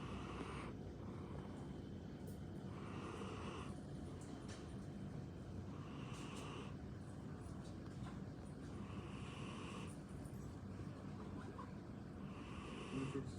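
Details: Cat snoring in its sleep: gentle snores rising and falling about one every three seconds over a constant low hum.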